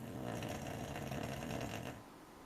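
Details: Low rattling breathing noise from a sleeping American Cocker Spaniel puppy; ordinary snoring.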